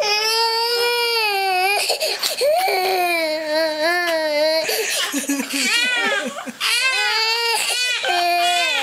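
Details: Continuous loud, wavering infant crying with overlapping voices and sobbing breaks, more than one baby crying together; infant crying.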